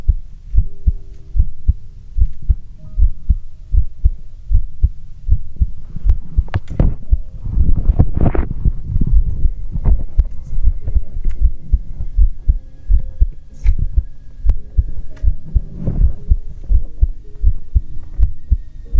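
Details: Normal heartbeat heard through a stethoscope in an ASMR recording: regular low thumps at about 79 beats per minute, partly masked by stethoscope rubbing and handling noise.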